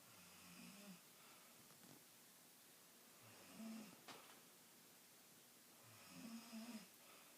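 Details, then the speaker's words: Person snoring. "do you really snore like that? Stop."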